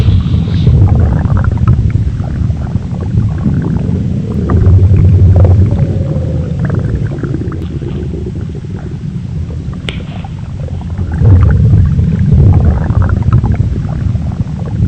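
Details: Stomach rumbling sound effect in an animated Gacha Club skit: low, gurgling, rolling rumbles that rise and fall over several seconds.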